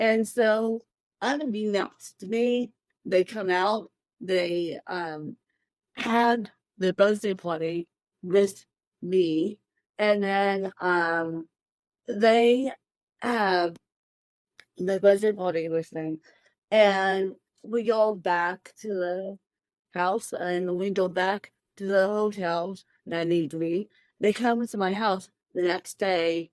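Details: Dysarthria in an adult woman with cerebral palsy present from birth, born 13 weeks premature at one pound thirteen ounces; real, unacted speech.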